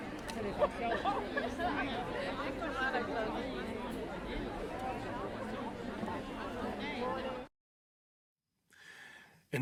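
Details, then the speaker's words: Normal-hearing reference of busy city street ambience, with crowd chatter and passing cars, played for comparison with left-ear sudden sensorineural hearing loss. "imagine yourself strolling down the city okay you hear noises you hear the environment cars passing by people chattering this is how usually it sounds like"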